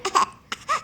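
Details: Voluntary (fake) cough from a smiling, happy baby: short, voiced, playful cough-like bursts made on purpose, an imitation rather than an illness cough.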